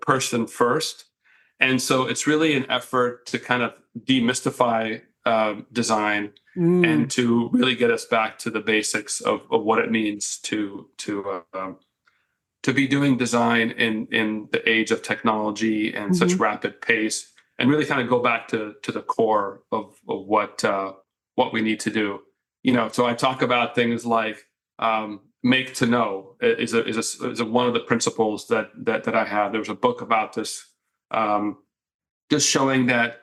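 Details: Adult man with mild residual stuttering that began in childhood and largely improved over time, helped by working as a college radio news reporter; he and the host say it can still be heard a little.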